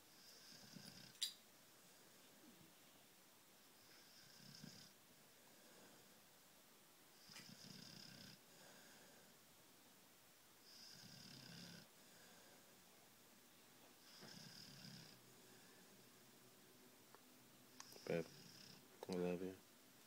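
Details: Full-bred blue nose dog snoring softly and rhythmically, about 12 breaths a minute, in a quiet room, followed by a few brief vocal sounds at the end.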